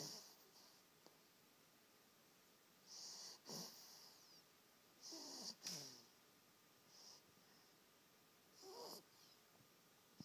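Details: Soft, hissing, whistly breathing sounds recurring every few seconds, with a few sharper snorts; snoring, recorded January 2013.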